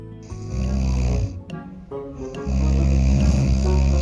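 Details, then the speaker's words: Two friends snoring loudly in beds on either side during a trip to Busan; loud, rattling low snores with music playing over them. "두 친구 모두 코를 엄청나게 보는 거 있지. 둘이서 같이 코를 보니까 잠이 안 오는 거야. 게다가 내 침대는 가운데 있어서 양쪽으로 나를 괴롭혔어."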